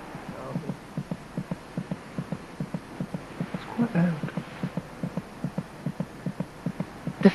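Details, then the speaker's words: Fetal heartbeat: rapid, regular soft beats over a low hum, about twice as fast as the mother's heart; monitoring it indicates the baby's general condition. "heart beats about twice as fast as her mother's monitoring the baby's heartbeat gives a good indication of her General condition"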